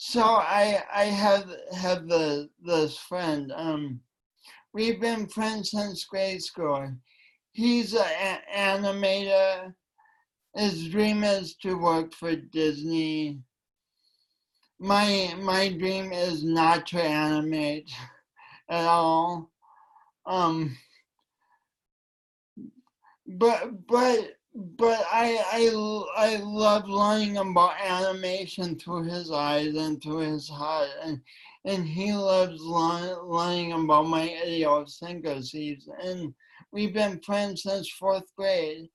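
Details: Man with cerebral palsy since birth, which he attributes to oxygen loss from a kinked umbilical cord, affecting his voice and coordination; dysarthria.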